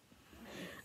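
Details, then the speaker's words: Child (the speaker's son) snoring nearby in background while she talks about her 3-week-old baby: snoring. "I'm sorry if you guys could hear the snoring. My son is literally snoring right next to me."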